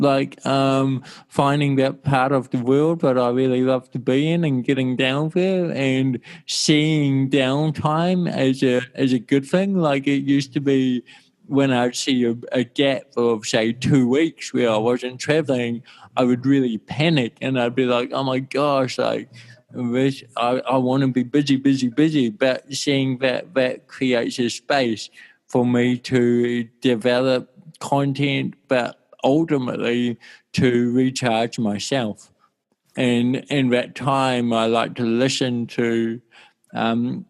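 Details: Dysarthria from congenital cerebral palsy in an adult male born in 1984, with walking also affected, who had daily speech therapy for his first seven years.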